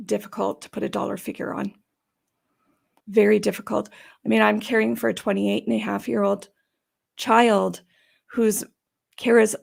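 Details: Adult woman with idiopathic subglottic stenosis for about 12–14 years, treated with repeated tracheal dilatations and surgeries on her trachea; she says these may leave her sounding gravelly or gasping for breath. Dysphonia from idiopathic subglottic stenosis.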